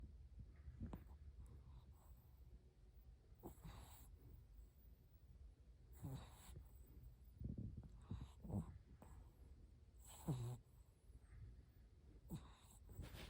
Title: Snoring 😴 time #shihtzu #puppy #crazyoreo #oreothedog #doglover #smalldog #dogsnoring #viral #cute